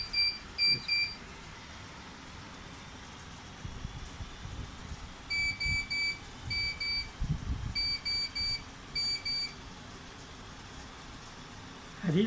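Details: Bursts of short high electronic beeps over steady machine hum from a neonatal nasal CPAP unit during setup in a training demonstration, showing about 5.1 cm H2O at 6 to 7 L/min flow; device alarm.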